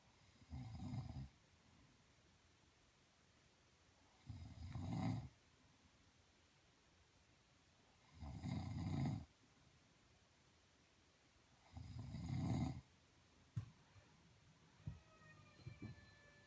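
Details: Snoring: four loud, low rumbling snores at a slow, steady breathing rate with quiet pauses between; context of sleep apnea/snoring treatment with an adjustable bed.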